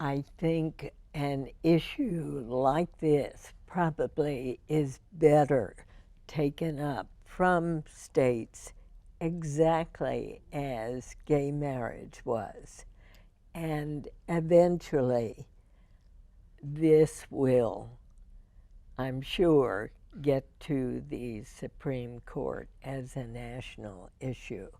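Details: Adult woman (radio host) with spasmodic dysphonia diagnosed in 1998, treated every four months with botulinum toxin injections into the vocal cords; her voice is described as imperfect with deliberate pacing; spasmodic dysphonia.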